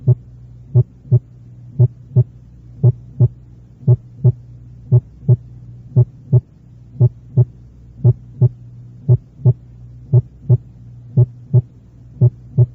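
Steady, regular heartbeat at about 57 per minute with paired sounds; the first sound is moderately loud and still louder than the second.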